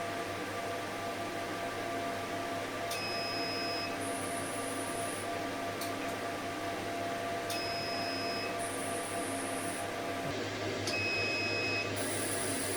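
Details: CO2 fractional laser treatment demonstration, 18x18 scan pattern, foot switch pressed: repeating cycles of electronic tones and high-pitched beeps over steady machine hum as the laser fires.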